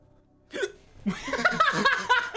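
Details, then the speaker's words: Hiccup during a livestream while eating hot wings and drinking chalky milk: a sudden short voiced gulp, then laughter and chatter. "up i have hiccups"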